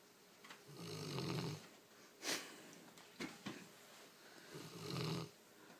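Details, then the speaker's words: Snoring with eyes open: rough, rattling snores on breathing in, about 15 breaths a minute, with softer snorts between them. "How do you snore with your eyes open, dude? He's like looking dead at you, too."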